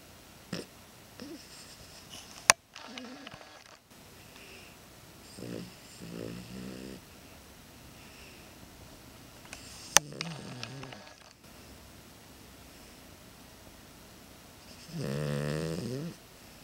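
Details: Sleeping animal, exhausted after being boarded at the vet all weekend, snoring: irregular, rattling snores, each breath with a buzzing flutter, over steady room hum.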